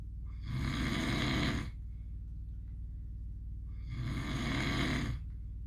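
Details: Sleeping pit dog snoring while dreaming: two long, rough, rattling snores about four seconds apart, low and loud, in deep sleep; ordinary snoring.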